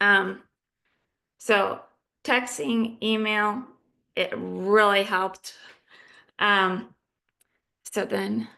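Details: Adult female living with aphasia who is in recovery; aphasia.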